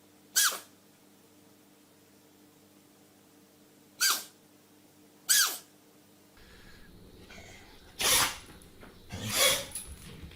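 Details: Cats and dogs sneezing: five sharp, hissing sneeze bursts from small pets across two separate scenes in a quiet room; sneeze.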